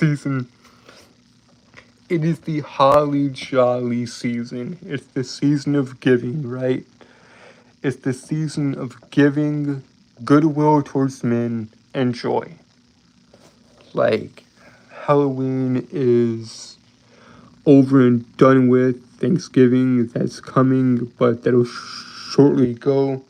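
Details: Adult male with a lifelong speech impediment he describes as a disability he has lived with all his life, heard stuttering in casual talk; stuttering.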